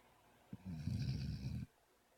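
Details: Sleeping puppy snoring: one low, rattling snore lasting about a second, like a buzzing bee stuck in the nose.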